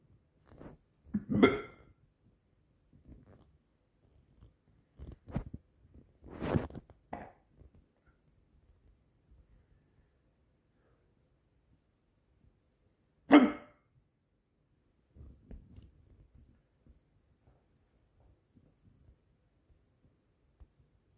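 Several short, abrupt throat sounds at irregular intervals, typical of hiccups, in a quiet room.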